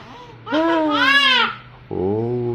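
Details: 7-month-old baby reacting to hiccups and passing stool: short, rising and falling voiced wails, a brief fussy cry with a pause between two bouts.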